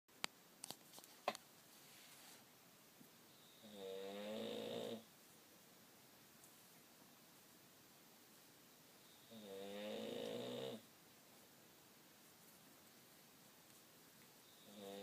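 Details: Father asleep: slow, regular rattling snores on each breath in, about every six seconds, roughly ten a minute, with quiet pauses between: snoring.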